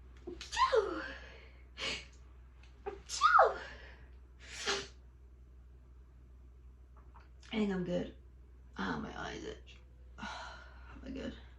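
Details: Series of short, muffled, stifled sneezes with sharp intakes of breath between them over a low hum; the sneezer mentions feeling dizzy and needing to lie down; sneezing.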